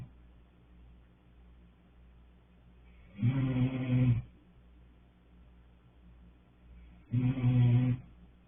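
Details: Two loud, throaty snores about four seconds apart in a quiet room; snoring during sleep.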